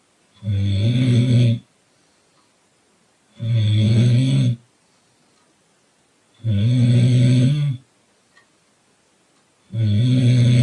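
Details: Loud, steady, buzzing snores about every three seconds, roughly 20 breaths a minute, with quiet pauses between, from someone sleeping in a car; regular snoring.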